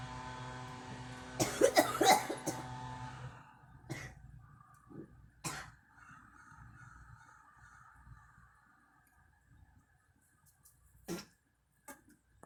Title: girl coughing